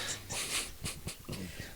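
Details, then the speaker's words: A tired sleeping puppy snoring in the background: soft, noisy snorting breaths in short bursts with faint room noise. "is over there snoring you can hear that in the background our little podcast buddy um he's just a tired puppy he got all wound up earlier so he he's probably spent most his energy today he's done passed out"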